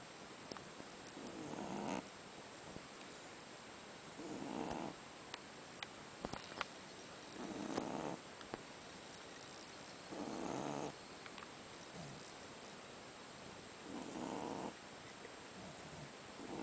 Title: SHIH TZU puppy sleeping and snoring